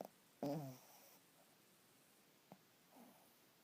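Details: One short, low, vibrating snore, then quiet breathing and a softer snort in a quiet room; plain snoring during sleep.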